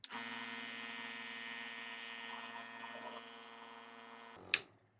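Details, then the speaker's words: Omron NE-C106 compressor nebulizer run empty after a child's treatment, with the tube disconnected, to dry moisture from the tubing: steady motor hum with a buzzing whine, a click near the end. "और फिर थोड़ी देर machine को चलाए रखता हूं कि जो tube के अंदर अगर कोई मॉइस्चर हो तो वो पहले निकल जाए क्योंकि ट्यूब को पानी से नहीं धोना होता है।"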